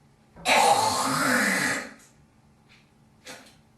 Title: girl coughing hocking loggies